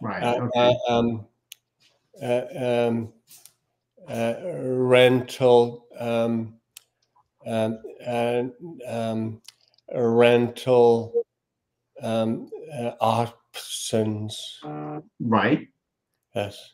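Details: Aphasia in a male speaker.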